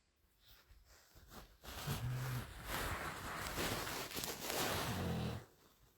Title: What noise is that? Heavens that girl can snore!!! Where's the ears plugs?